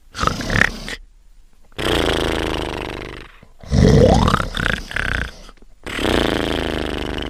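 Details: Character Trash sleeping, from a show clip: loud, rough, rumbling snores with gaps between breaths, heard in a small room; snoring.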